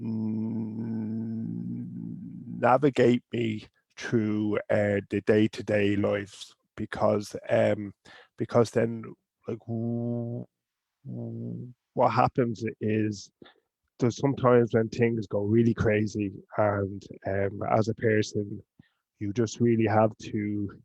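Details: Adult man from Ireland who stutters; stuttering.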